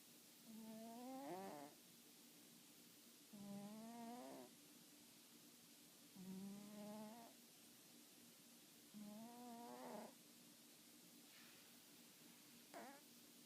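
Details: Spotted house cat named Tiger, asleep, snoring with spasms: rhythmic rising, groaning snores about 21 a minute over a steady background hum; snoring.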